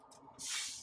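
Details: Quiet handling, then a steady rushing hiss as gas flow starts through an inline nebulizer connected to an LTV 1200 ventilator circuit for a medication treatment in a simulated respiratory emergency; nebulizer gas flow hiss.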